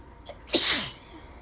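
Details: Sneezing fit during ragweed season, with a suddenly sensitive nose and rain in the background: a brief in-breath, then one sharp, hissing sneeze, a single sneeze from an allergy-driven fit.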